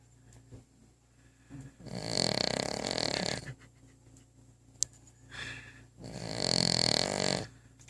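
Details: Dog asleep with her head on the bottom of a coffee table: two long, rough, rattling snores about four seconds apart, roughly 15 breaths a minute, in a quiet room; snoring.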